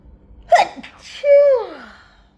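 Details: A sharp in-breath, then a loud, explosive sneeze with a voiced 'choo' trailing off; one sneeze in a sneezing fit that followed a couple of stifled sneezes.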